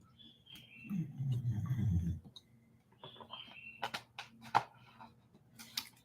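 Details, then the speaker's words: A female pet dog that has been snoring for about an hour and a half gives a single low, rough rumbling snore with faint whistly nasal squeaks and small clicks in a quiet room. "you can hear my dog snoring more now some people think I'm [ __ ] when I say she snores she's snoring right now"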